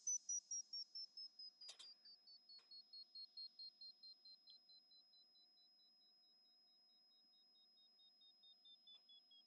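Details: Short, high beeps slowly falling in pitch and fading, with a few clicks, from the Mimi Hearing Test iPhone app, testing the left ear; pure-tone hearing test tones.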